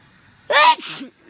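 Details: A single sharp explosive sneeze with a brief breathy tail in a quiet room; the person jokingly claims to be allergic to a companion.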